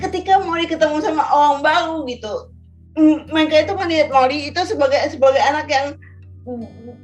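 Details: Woman with cerebral palsy who stutters, Indonesian speaker; stuttering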